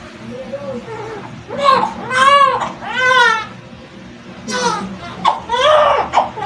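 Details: Repeated loud, wavering cries from a newborn baby girl just after natural vaginal birth with umbilical cord loop; normal healthy cry, faint room noise.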